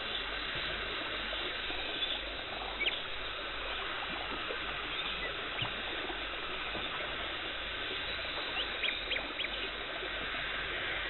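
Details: Dental hygienist's professional teeth cleaning removing tartar and plaque, no talking: steady hiss and gurgle of suction and water spray with faint scraping clicks; dental cleaning instruments.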